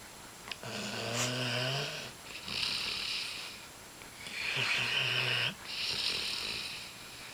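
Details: A female Greater Swiss Mountain Dog napping on a person's lap: slow, drawn-out snores alternating with hissing airflow, about two or three cycles in seven seconds.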